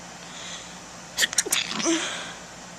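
Several quick sneezes close together, then a softer aborted sneeze with an indrawn breath near the end. Ordinary sneezing.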